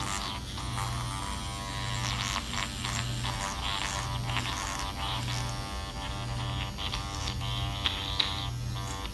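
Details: Self-microneedling under the eyes and nose with a Dr. Pen A7 (12-pin, 34-gauge) at 0.25 mm depth, skin pulled taut, face numbed with lidocaine: steady electric buzzing with a low hum in a small room.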